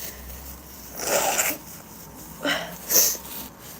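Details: Spanish-speaking women in a small room; breathy bursts then two short explosive sneezes close together; sneezing.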